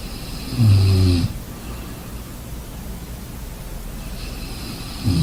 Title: Combination ocean sounds and snoring